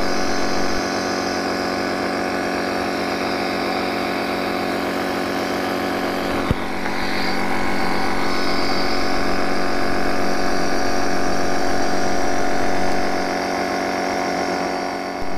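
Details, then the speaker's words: Piston-type nebulizer compressor running during a servicing demonstration, turning liquid medicine into mist: a loud, steady buzzing drone. "now you can see the Blazer compressor it is actually piston deck"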